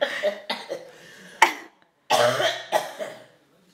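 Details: 10-month-old baby girl gives a few short, harsh cough-like bursts imitating her grandmother's cough; imitated cough.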